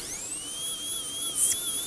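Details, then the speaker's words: High-pitched, slightly wavering whine of a high-speed dental handpiece with a finishing bur removing flash and smoothing and texturing a composite-built anterior tooth; high-speed dental handpiece with finishing bur. "can use a bit of jazzing up with our highspeed hand piece so that's what we're going to do that's we're going to do right now use this nice finishing bur and the finishing bur is going to remove the"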